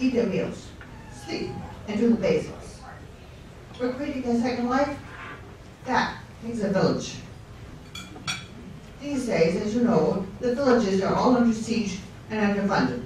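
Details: Ataxic dysarthria after a stroke, in an adult guest speaker at a fundraiser for a non-profit serving people with neurological conditions.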